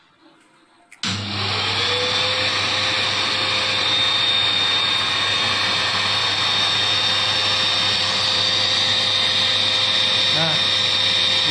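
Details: Homemade extraoral aerosol suction device for dental practice, built to capture aerosols from tooth preparation against Covid-19 transmission: a quiet room, then it switches on with a loud, steady vacuum-like rushing whine and hum.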